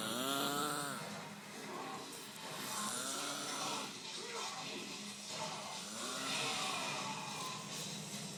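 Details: Loud, drawn-out rattling snores with a tonal, whistling edge, repeating every couple of seconds, over a noisy background with some music or TV; described as one of the loudest snores ever heard.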